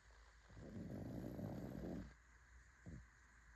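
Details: Fawn pug snoring: a single rattling, snorting snore of about a second and a half, then a brief snort; noisy breathing through a short, flat-faced airway.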